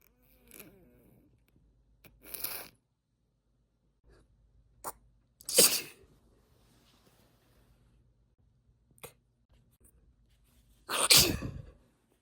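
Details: Induced sneezes from a female who is a long-time sneeze stifler and not usually sneezy: about three sharp, explosive, hissy sneezes separated by quiet pauses and brief inhalations.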